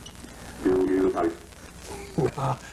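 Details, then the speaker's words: Woman with cerebral palsy speaking through a computer speech device that retrieves up to 2,000 words, in a 1989/1990 news recording of poor quality: brief, flat, machine-like voice replying in two bursts: synthesized speech. "diane can retrieve up to 2 000 words from the computer's memory the computer cost about four thousand dollars when she got it two years ago"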